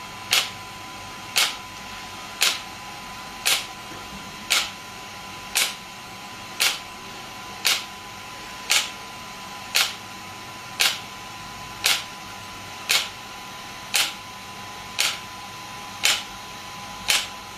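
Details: Shockwave therapy device (SW5S), used for erectile dysfunction and plantar fasciitis, applied with gel while the patient's feet rest on a support: sharp, regular snapping clicks about 57 a minute.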